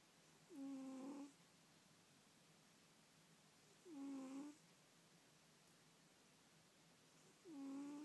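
Three rough, tonal inhaled snores, about 17 a minute, with quiet pauses between; snoring.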